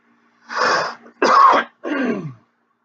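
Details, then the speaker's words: Three harsh throat-clearing bursts from an adult who says they are just getting over a flu/cold with a sore throat and a changed voice. "am just coming off of a flew / cold / sore throat so sorry my voice is not what it normally is"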